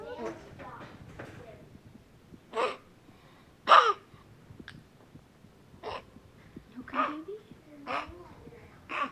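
After brief human speech, a dog gives a series of short, harsh, spaced cough-like bursts in a quiet room: coughing.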